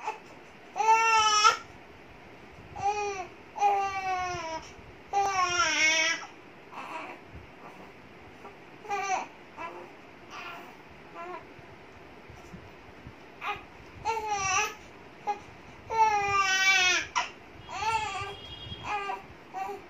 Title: Cutest Baby Crying Moments - Funny Cute Boy #Shorts Status